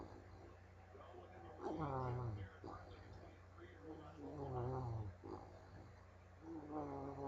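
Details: Resting bulldog snoring: rough, throaty snores with a whining, tonal edge recur about every 2.5 seconds, roughly 23 a minute.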